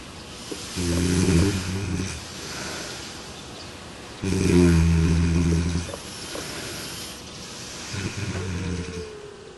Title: Sleep Experiment - Smart Snore Pillow